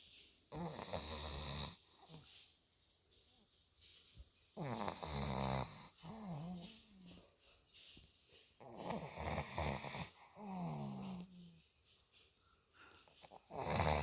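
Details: Sleeping Olde English bulldog snoring: loud rattling snores, about 14 breaths a minute, each followed by a quieter exhale.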